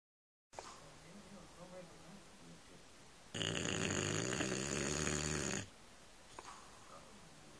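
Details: Sleeping bulldog: quiet snuffly breathing, then one long, loud, rattling snore lasting over two seconds; heavy snoring.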